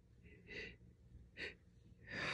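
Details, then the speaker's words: Person with an itchy nose blaming allergies: three sharp, hissing sneezes, each with a short intake of breath before it, amid remarks about allergies: repeated sneezing. "just oh my goodness oh my god my allergies are crazy today oh my goodness excuse me"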